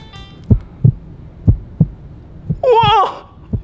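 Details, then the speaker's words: Soft regular low thumps in pairs with a brief high sung or squeaky sound over them: a heartbeat heard through a stethoscope on a children's show at an indoor playground. "and you know how else we can hear that is with a stethoscope whoa let's listen to your heartbeat"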